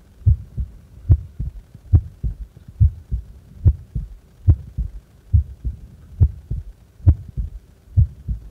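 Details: Normal heart sounds of a person at rest, doing nothing.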